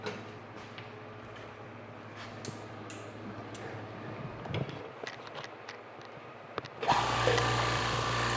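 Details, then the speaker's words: DIY OxiKit oxygen concentrator demonstration: faint clicks in a quiet room, then the compressor is switched on with a loud steady hum and hiss; it uses a five-second sieve cycle with a cooling fan beside the compressor. "i'm gonna i'm gonna go and turn on the compressor and this will get it"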